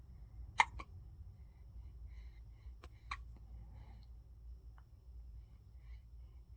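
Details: Baby's hiccups in the morning: soft, brief clicking hiccup sounds, a few over several seconds, over quiet room hum.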